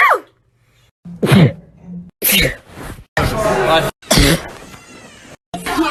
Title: sneezing compilation 12